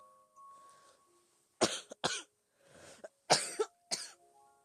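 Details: Several dry, harsh coughs in short pairs from a girl with asthma, over soft background music; cough in asthma.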